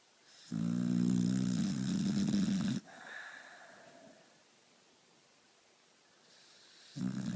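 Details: Female who fell asleep within a three count, snoring: a low rattling snore on each breath in, with quiet pauses between breaths.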